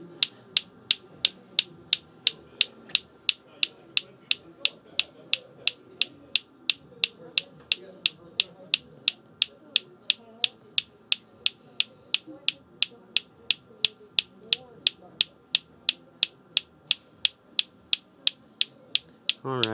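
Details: Focused shockwave therapy device firing on the sides of a patient's heel to treat heel pain at a chiropractic clinic: sharp, evenly spaced clicks at about 176 per minute over faint room noise.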